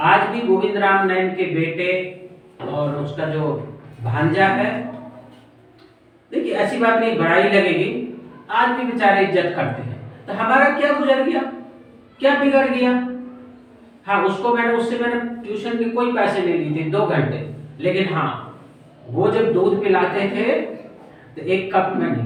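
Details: Adult speaker; no speech disorder.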